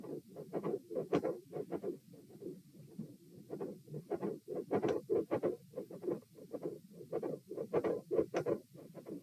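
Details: Stethoscope probe moved through aortic, pulmonary, Erb's, tricuspid, mitral, then aortic areas: steady whooshing murmur through the cycle, scraping as chest piece moves; continuous murmur focused at aortic area, extra sound near S2 only there; sound drops on sitting (possible PFO, uncertain).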